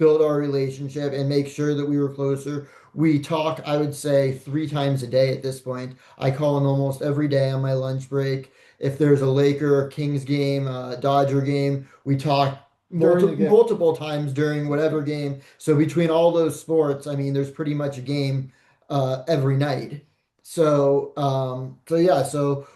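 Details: Adult man speaking; no speech disorder.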